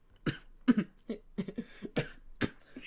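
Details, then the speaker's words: Lingering cough after an illness; the person stopped feeling sick after about a week but kept coughing. A run of short, fairly soft coughs and throat clears in quick succession. "Honestly, no, I stopped being sick after like a week and a day or two, and then I just kept coughing."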